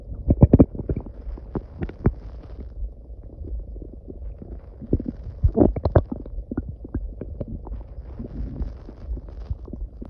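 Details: Repeated gurgles, pops and low rumbling bursts over a steady background hum; loud, ordinary stomach growling (borborygmi).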